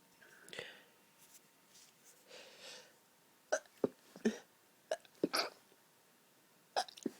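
Soft breathy build-ups, then a run of short, muffled, clipped bursts: several stifled and half-stifled sneezes from a tickling, allergy-sensitive nose.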